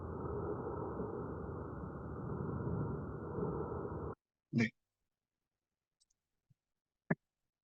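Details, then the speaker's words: Auscultated breath sounds after band-pass filtering (50–2000 Hz, applied five times) to remove ambient noise, from a crackle and wheeze detection project; the background grating noise is reduced. "이런 식으로 뒤에 치질 거리는 부분을 좀 제거한 이제 적용 후에 소리를 한번 들려"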